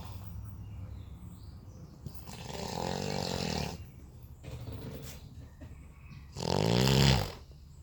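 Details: Loud, rumbling breath noises from a sleeping man, with a rough, vibrating inhale swelling to a deep roar; heavy snoring likened to an earthquake.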